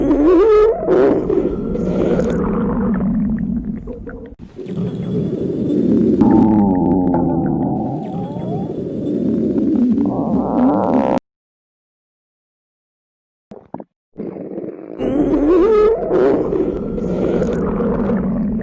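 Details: Girl's hunger stomach growl (borborygmi), depicted as trapped in an elevator at the limit of hunger: long, loud, groaning and gurgling growls with a short silent break.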